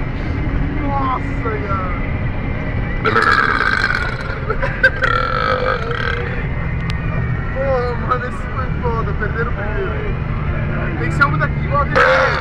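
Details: Deliberate burping: several long, loud, rumbling burps with short pauses between, over a steady engine-like background hum.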